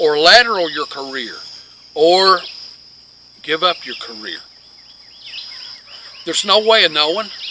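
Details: Adult man with long-standing multiple sclerosis who reports scanning speech with frequent pauses and word-finding difficulty that made him quit teaching physics; scanning speech (ataxic dysarthria).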